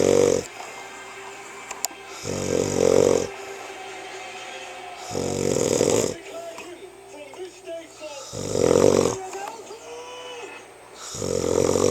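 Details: Man asleep at home with the TV on: loud, rattling snores about every three seconds alternating with quieter breathing, with faint background sounds; typical snoring.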